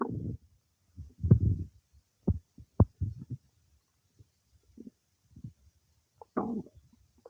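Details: Stomach rumbling some time after eating cake: irregular low gurgles and rumbling bursts separated by quiet gaps, normal bowel sounds of digestion.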